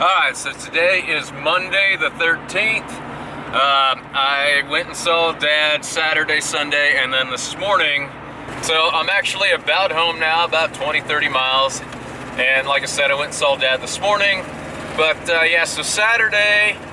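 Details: Adult man speaking; ordinary speech.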